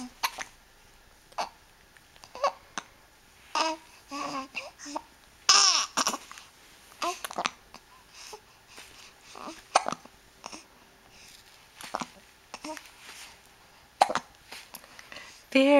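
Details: Baby girl with hiccups, eyes following a hand shaken above her head; short abrupt catches of breath repeating irregularly among soft babble.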